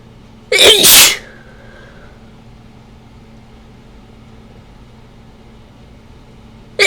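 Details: Person who suspects a ragweed allergy sneezing after sniffing a ragweed stalk and sneezing powder, with itchy, runny nose: one loud, explosive sneeze, then quiet room noise.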